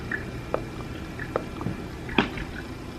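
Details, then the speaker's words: Several brief, sharp, moist clicks over quiet room noise from a person's jaw, described as bad: temporomandibular joint clicking. "my bite is fine, like my teeth good, everything like that, but the problem is I have a clicking jaw."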